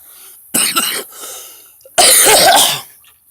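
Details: Adult at about 3:19 am, early morning after sleep, belching: two loud, abrupt voiced throat bursts less than two seconds apart, belching rather than coughing.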